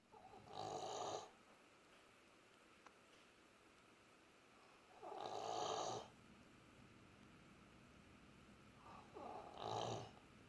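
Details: Sleeping pet dog snoring with a ball in his mouth: three slow, rough, rattling snores about 4 to 5 seconds apart with quiet pauses between.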